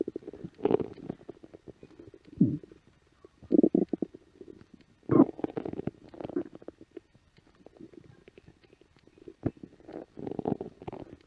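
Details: Stomach growling on a music video set: irregular gurgling, rumbling bursts with quiet gaps between them (borborygmi).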